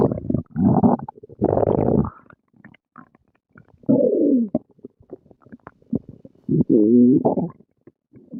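Long rumbling and gurgling sounds with bubbly squeaks and pops: ordinary stomach growling after a meal.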